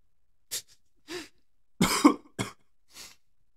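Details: Five short dry coughs and throat-clearing bursts in a quiet room from a transgender woman streaming live while sick.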